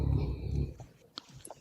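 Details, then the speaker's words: Snoring from a 240-pound dog sleeping behind the speaker: a low, rumbling snore heard for about the first second before fading. "And is someone snoring? What is that noise? I was just about to put in the chat. I have a 240-pound dog. He's snoring."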